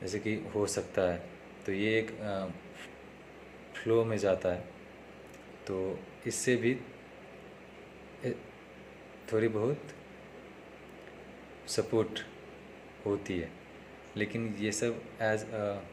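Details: Male with self-reported stammering, following speech therapy tips in a daily practice series, day 3; stuttering.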